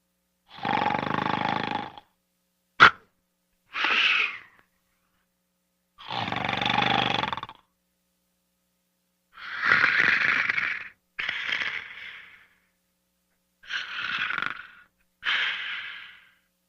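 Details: Sleeping: slow, regular, loud rasping breaths in and out, roughly every two to three seconds; noisy snoring-type breathing.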